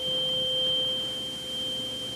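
Clear, steady pure ringing tone of a struck tuning fork, slowly fading, as used for the Rinne hearing test.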